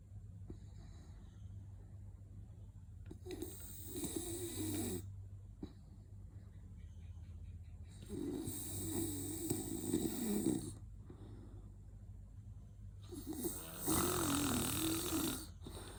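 Three loud, rough snores, one on each breath about every five seconds, with a steady low room hum; ordinary snoring.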